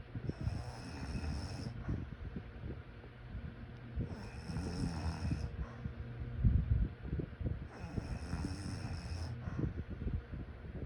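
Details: Snoring during sleep: steady low rumbling snores with soft snorting, about three cycles in eleven seconds, over faint room noise.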